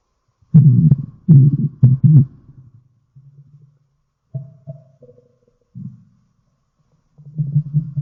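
Low rumbling gurgles in several bursts with pauses between them, typical stomach growling.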